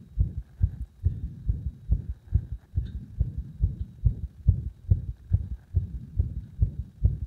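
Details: Heart sounds as pressure on the heart was gradually increased to provoke an arrhythmia: fast low thumps around 140 a minute, mostly regular with some uneven spacing; induced arrhythmia.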